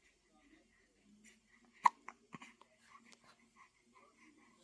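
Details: A baby boy with hiccups: soft, quiet breathing broken by a few sudden, sharp catches.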